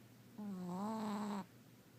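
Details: Sleeping Chihuahua Fletch, dreaming, snoring very loudly: a single drawn-out, whistling, high-pitched breath sound lasting about a second; snoring.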